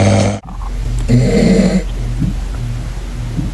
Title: Bro that a roar 😭#sleep #snoring